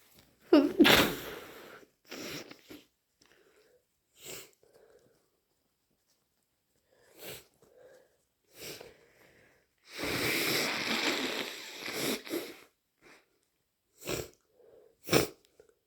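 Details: Several wet sneezes into a tissue with sniffing and a long nose blow, during a worsening head cold with sinus congestion and a lot of mucus.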